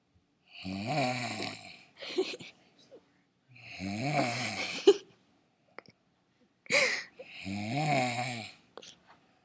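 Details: A sleeping woman, who doesn't believe she snores loudly, makes loud, rattling snores roughly every three to four seconds, each followed by a quieter breath out; snoring.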